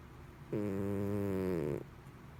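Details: Pet cat snoring like a human, loud at times: one deep, droning snore lasting over a second with a buzzing, human-like quality.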